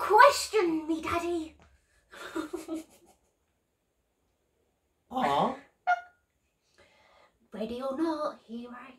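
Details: Woman with Tourette's whose tics respond to alphabet letters read aloud, including coprolalia-like utterances; Tourette syndrome complex vocal tics.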